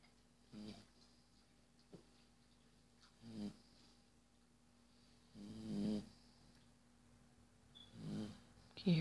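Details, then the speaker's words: Female puppy sleeping after hard play: snoring. "It's snoring."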